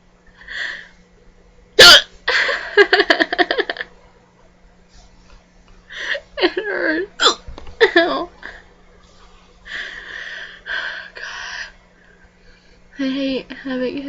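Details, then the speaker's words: Woman with loud hiccups, still ongoing: a sharp, abrupt hiccup among bursts of talking and laughing. "I have hiccups get very unattractive hiccups the kind that are really scared when they come"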